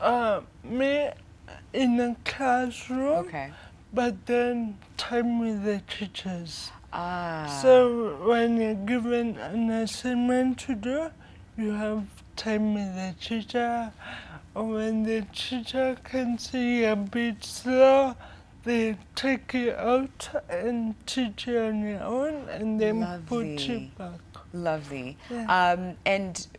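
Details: Dysarthria in a 25-year-old woman with cerebral palsy from brain damage due to lack of oxygen at birth during prolonged labour, affecting movement, coordination and speech.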